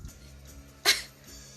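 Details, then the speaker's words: A single short, sharp hissing sneeze from a Japanese girl, against quiet room noise. "くしゃみしそう。やばいやばい。くしゃみしそう。"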